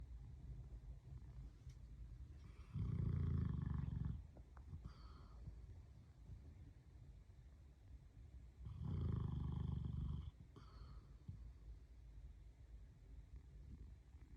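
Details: Increasingly loud heavy snoring: two rumbling snores on the in-breath, each about a second and a half, separated by quieter breathing; owner thinks he needs a CPAP.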